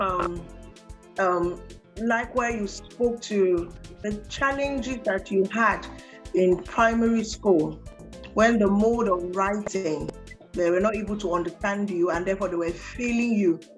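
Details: Adult female speaker; typical speech.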